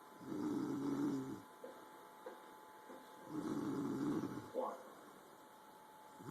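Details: Two soft, low rattling snores with a quiet gap, over faint room noise; the snoring is described as loud.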